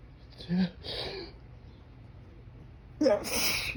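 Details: Strong morning pollen-allergy sneeze outdoors while trying to suppress it with fingers pressed to the nose: gasping intakes build up, then a forceful burst of air and voice.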